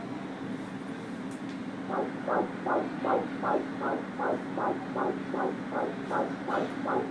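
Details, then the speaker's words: Fetal middle cerebral artery Doppler: rhythmic pulsing whooshes at about 158 a minute with quiet gaps, diastolic flow markedly reduced and at one point apparently reversed; possibly pathological or a technical artifact (PRF, wall filter, probe pressure). "We are seeing absent or reverse diastolic flow in the fetal MCA. But, does this always mean pathology?"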